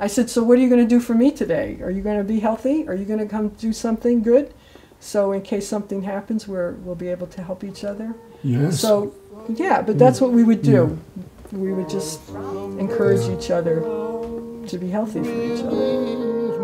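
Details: Adult woman speaking; ordinary speech.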